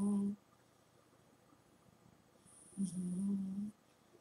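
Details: An 18½-year-old cat snoring while asleep, naturally loud and not amplified: two loud, humming snores separated by a quiet pause between breaths.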